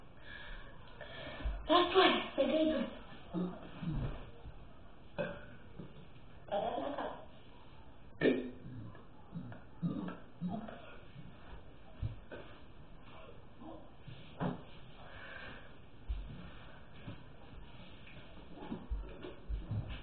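A run of short, low, throaty belches recurs over twenty seconds, with some quieter ones between them; repeated burping.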